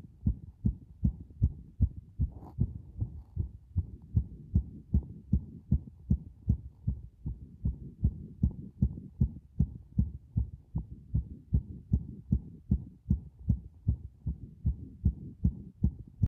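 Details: Heart sounds recorded with a microphone pressed against the chest after a bath; regular, even low thuds of a heartbeat, with a brief rustle early on.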